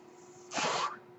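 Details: The speaker's own mechanical ventilator, noted during a recorded podcast: a brief airy whoosh rises and falls over a steady low room hum as a breath is delivered.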